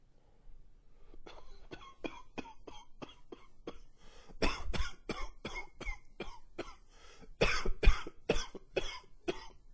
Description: Another coughing fit for you.